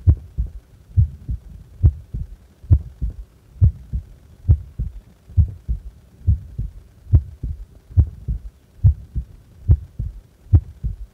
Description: なにもしてない安静時の心臓です